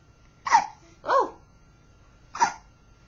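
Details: Infant boy just starting his fourth week of life, filmed on a webcam: three short, abrupt voiced catches in a quiet room, each a sudden hiccup; hiccups.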